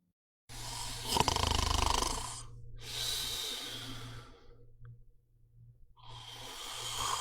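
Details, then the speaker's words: Loud, harsh snoring with each breath over a low rumble, repeating about every three seconds, from a person during sleep. "يا اخوان الله يعينكم على هالصوت يعني هذا الصوت مش ضايل غير اني احطه نغمه على موبايلي"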